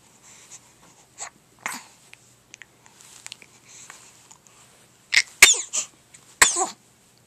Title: Double Sneeze